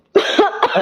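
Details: A person gives a brief run of forceful coughs after choking on food, the airway's reflex to expel it; they are told to keep coughing and not to drink water.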